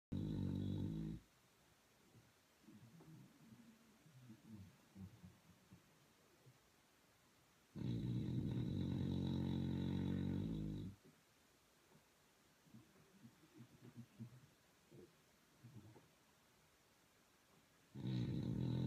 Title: Bulldog Super Power Snore